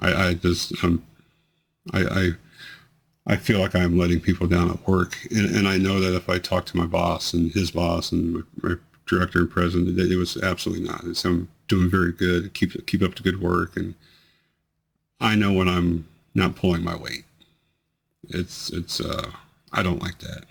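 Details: Man with multiple system atrophy whose worsening tremors, amplified by actions and emotion, include his voice. Voice tremor.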